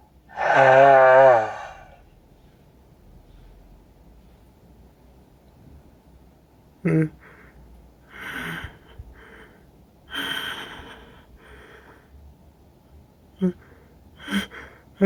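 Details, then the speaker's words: Sneeze from a person with a cold and congested, itchy nose, induced by sniffing pepper; one loud, voiced sneeze burst, then quieter sniffs and breaths in a small room. "Oh my nose. It tickles. Oh. Oh. Oh. It tickles. We're gonna sneeze."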